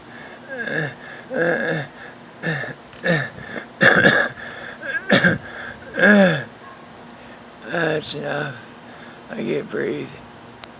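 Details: Child with stridor: harsh, high-pitched, musical noise with each breath, a sign of narrowed upper airway.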